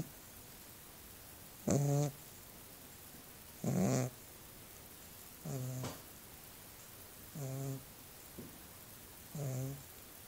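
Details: A small dog snoring: five short, buzzing, vibrating breaths spaced about two seconds apart, around 30 a minute, over a quiet hiss.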